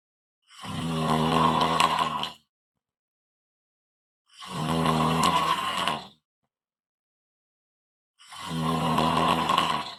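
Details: ASMR snoring recording: loud, rough, rattling snores lasting about two seconds each, separated by silent pauses, roughly 16 a minute. Snoring.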